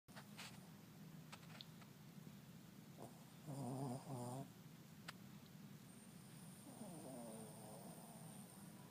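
Soft, faint, rough breathing noises from a sleeping animal, two close together and one later, with background hiss: light snoring.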